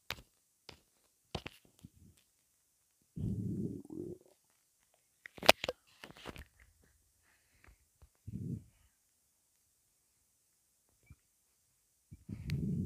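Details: Stomach rumbling after drinking a Rockstar energy drink: short gurgling rumbles and squelches with quiet gaps between them; borborygmi.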